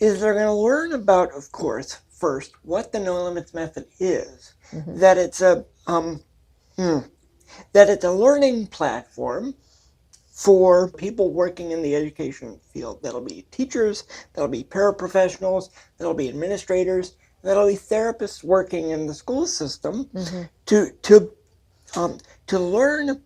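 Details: Adult man with cerebral palsy, a real speaker, with language differences that are clearly audible in his speech; speech differences associated with cerebral palsy.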